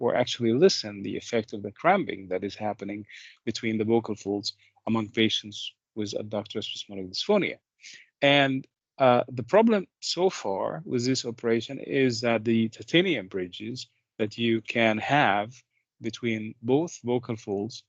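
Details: Adult male speaker; typical speech.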